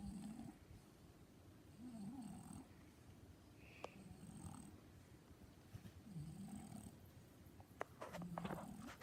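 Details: French Bulldog snoring softly with low rumbling snores in slow, uneven cycles about every two seconds over room noise; ordinary snoring.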